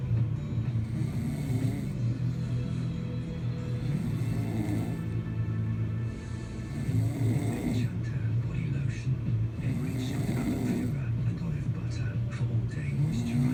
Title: Baby disturbed by father's snoring 😂